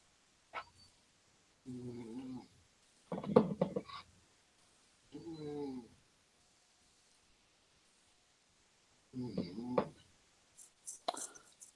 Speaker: got a snoring dog yes hold on [Laughter] that sounds like a snoring dog my dog snoring over here